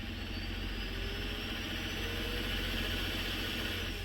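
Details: Steady machine whir with rapid fluttering pulses, likely oscillation mode, as a cough assist (mechanical insufflation-exsufflation) device delivers positive then negative pressure during a paced breath, with preliminary settings: the device cycling.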